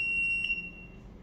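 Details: Philips HeartStart FRX automated external defibrillator in a training demo: a steady high-pitched electronic tone as it switches on, just before its spoken instructions begin; AED power-on tone.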